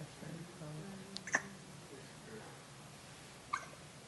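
Two brief, sharp catching sounds a couple of seconds apart over quiet room noise, fitting hiccups in a small pet.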